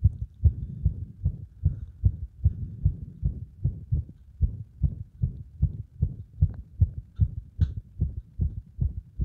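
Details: Heart sounds with frequent arrhythmias caused by compression of the heart; fast, around 150 a minute, with uneven spacing between beats; irregular rhythm.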